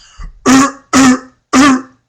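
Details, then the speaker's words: Three harsh, barking, seal-like coughs in quick succession, the typical barky cough of croup. "the child seems to have difficulty breathing he sounds like a seal when he coughs"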